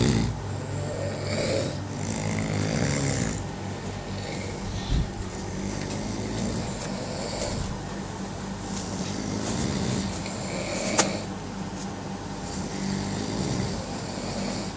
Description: How many people can sleep in such a snoring....